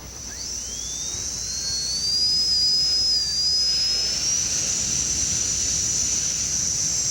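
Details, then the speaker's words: High-speed dental handpiece with 699 diamond opening interproximal, then 1/4 diamond placing chamfer on lingual of maxillary second bicuspid prepared for porcelain-fused-to-gold veneer: shrill steady whine rising in pitch, air hiss while cutting. "then we will take a 699 Diamond to open up the in proximal and then place a semi shamer on the lingual surface with a one4 k diamond"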